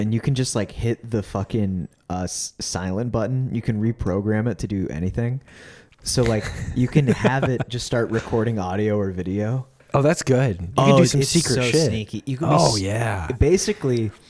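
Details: Adult male speakers in conversation; normal speech.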